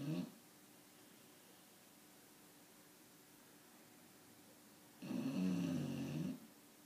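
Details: Bulldog snoring: a low, rattling snore on a long breath, heard twice with a quiet pause between.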